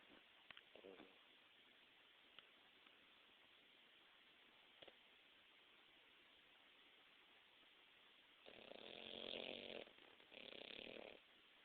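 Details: Sleeping pug: faint room hiss, then two brief snorting, rasping breaths near the end; snoring.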